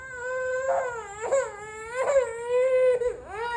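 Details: Babies fussing and crying when put down on the bed around seven o'clock during their play time: sustained, tonal infant cries in drawn-out bursts with brief catches between; ordinary fussy crying.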